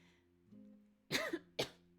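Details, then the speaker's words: Coughing from a person with a poorly voice, caught on a microphone they thought was muted during a live stream. "I thought I muted my mic apparently not and I also thought that I uh was gonna sound okay very sorry for my voice in the coughing"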